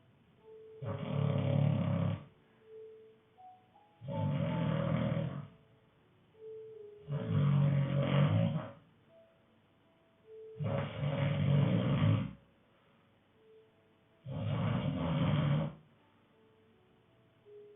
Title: Loud snoring